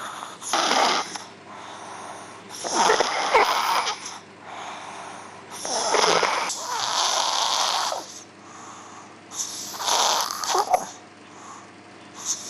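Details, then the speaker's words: Loud, harsh, labored breathing with snoring and snorting in a sleeping child, with monitor alarm tones behind, in a clinical video shown to illustrate pediatric obstructive sleep apnea; obstructive sleep apnea snoring. "I think it gives you a good impression of what sleep apnea looks like in children perhaps it doesn't sound like the people that you know who snore"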